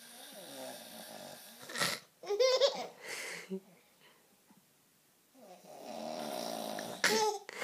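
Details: Father snoring while asleep, keeping the mother awake, as Toni finds it funny: rattling, rasping snores on breathing in, quieter stretches between, and a brief voice-like sound; snoring.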